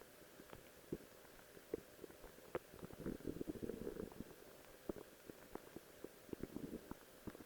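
Gurgling, bubbling rumbles with scattered pops and a longer growl midway; normal bowel sounds of a growling stomach.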